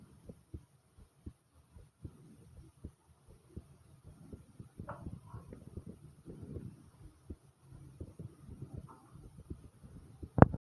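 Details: Own heart pounding fast: quick, soft low thumps of a rapid heartbeat, joined midway by gurgling stomach (bowel) sounds.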